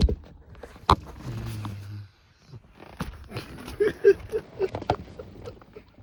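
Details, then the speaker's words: One low, rumbling snore from a sleeping 11-month-old Dogo Argentino, amid scattered rustling and handling noises: ordinary snoring during sleep. "But this is >> [snorts] >> an 11-month-old Dogo Argentino sleeping base snorer."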